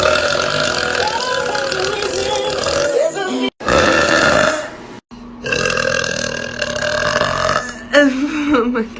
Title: New Youtube Short- Girl Burp - Burp Compilation - Part 17